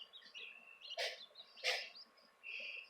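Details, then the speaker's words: Sneezing from a bird the owner says has chronic health problems: two brief, sharp sneezes about a second apart in the background, over soft chirping from baby quail being moved from incubator to brooder. "can hear Randall sneezing in the background. Yeah, we gotta talk about his chronic health problems at some point, because why not, right?"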